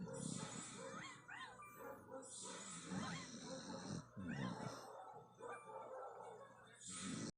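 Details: Female Philippine dog (Asong Pinoy) snoring loudly and rhythmically in her sleep, about four rough snores in seven seconds.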